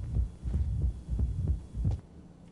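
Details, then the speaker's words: Regular heart sounds with a soft opening snap just after the second sound, close to S2 like a fixed split, heard just inside the apex, in rheumatic mitral stenosis; calcified, less mobile leaflets make the snap softer. "you can also tell this one's a lot closer to the second heart sound sounds almost like that fixed split we were listening to but we're not listening at the base we're listening just inside the apex"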